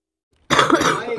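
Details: Girl coughing into a gaming microphone during a game: a sudden harsh cough burst running into a rough, throat-clearing rasp, recorded close to the mic.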